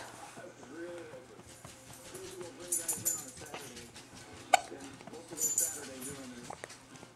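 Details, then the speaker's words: Almost 3-week-old puppy with hiccups: high, squeaky whimpers with a few sharp, abrupt hiccup clicks in between, over faint background noise. "okay oh good on he's got the hiccups"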